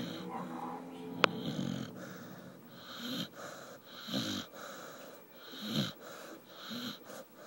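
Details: A sleeping puppy by a warm wood stove makes soft, rhythmic snoring breaths with a slight whistle, about 40 a minute, over faint room noise and one sharp click.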